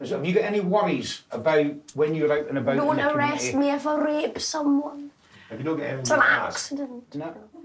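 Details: Adult man with Tourette syndrome, a genetic neurological condition, with almost no ability to suppress his tics, speaking to families at a Tourette camp; involuntary vocal tic heard mid-speech; vocal tics (Tourette syndrome).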